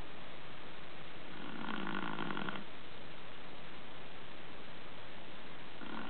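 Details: Sleeping Chihuahua, tired after play, snoring: soft low rattling snore partly masked by steady background hiss.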